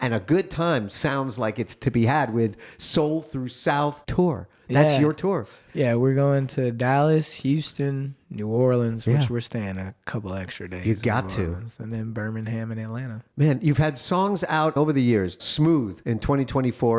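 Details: Adult men talking in a podcast conversation; normal conversational speech.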